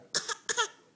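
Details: Two short, breathy cough-like bursts from a baby girl, a deliberate fake cough to get sympathy from her brothers rather than an illness cough; voluntary cough.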